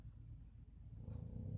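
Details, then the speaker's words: Female dog snoring really loud during a recording: low, rumbling, fluttering vibrating noise rising in strength toward the end; snoring. "that snoring noise you hear that's my dog so if you hear that throughout the video I'm sorry she snores really loud"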